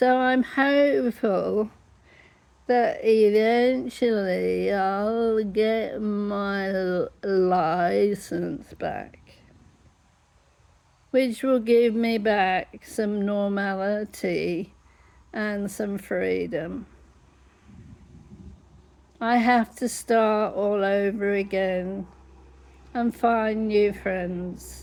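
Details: Laryngeal dystonia in an adult woman with generalized whole-body dystonia whose larynx closes up, so at times she is unable to talk at all.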